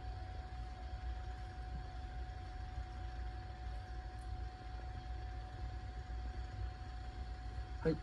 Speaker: はい、日本猫のクロちゃんのおはよう治療の様子です。吸入療法と酸素療法を行っています。